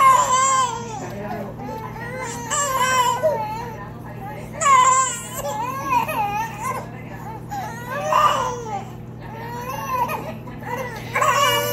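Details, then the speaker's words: Triplet baby brothers crying while their sister tries to sleep: several overlapping high-pitched infant wails over a steady room hum. "Why are y'all crying? Why are y'all crying? She's like, let me sleep, let me sleep."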